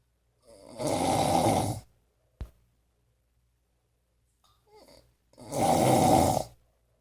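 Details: Heavy snoring likened to a freight train, recorded January 2016: two loud, harsh, rattling snores on breathing in, separated by a quiet pause.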